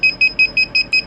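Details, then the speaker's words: Neatcell picosecond laser tattoo-removal pen, used at home on the third session, firing at setting 9, its slowest: evenly spaced high-pitched beeps, about five a second, while the button is held. "So that's much slower. So if you're using 9, if I hold the button,"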